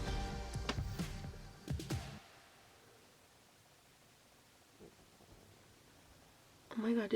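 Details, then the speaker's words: Stomach rumbling (borborygmi) heard during a makeup tutorial: a low, gurgling rumble for about two seconds, then quiet. "my god, did you hear that? That was my stomach rumbling."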